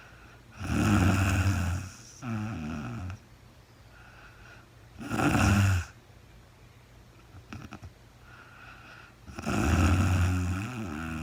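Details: Real-time sleep recording of a woman snoring, no talking: loud, fluttering snores in uneven bursts, about three in eleven seconds, separated by quieter breathing; heavy snoring in sleep.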